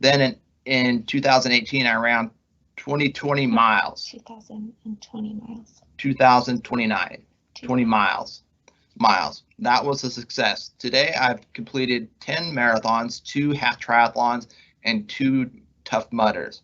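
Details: Adult man with aphasia after a left-hemisphere ischemic stroke from left internal carotid dissection, with right hemiplegia; after speech therapy, word-finding difficulty persists months later; halting speech with fillers and repeated words: aphasia after stroke.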